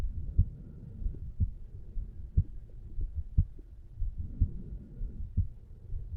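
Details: Heartbeat of a 35-year-old male relaxing on a couch, recorded over the mitral (bicuspid) valve area: steady, regular low thumps at about 60 a minute; normal heart sounds.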